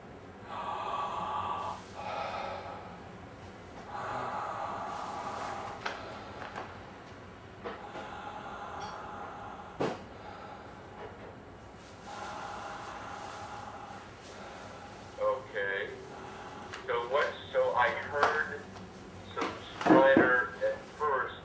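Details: Patient breathing: several drawn-out, harsh, slightly musical inhalations, then shorter noisy breaths; inspiratory stridor.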